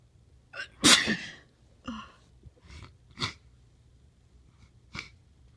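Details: One forceful, wet, messy sneeze after a brief inhalation, followed by sniffs and soft breaths in a quiet room; sneezing.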